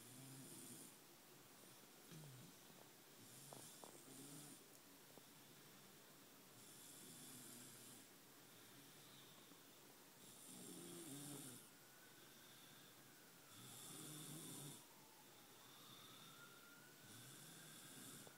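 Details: Man sleeping and snoring: soft, rough snoring breaths about 18 a minute, partly masked by steady hiss and room noise.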